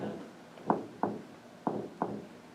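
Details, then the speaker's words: Normal S1 and S2 heart sounds imitated by two pairs of soft taps, lub-dub, as hearing practice during a teaching session on cardiac auscultation; imitated, not a real heart. "so you can practice hearing in a heart that's love dub love"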